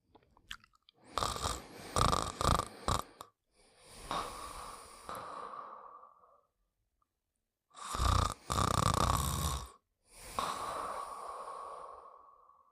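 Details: Simulated cartoon snoring of the character Buddy from an animated series: long rasping inhalations, some with a whistling note, and drawn-out exhalations, repeated twice.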